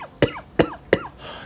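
Three short, dry cough bursts in quick succession, a repetitive hacking cough typical of asthma.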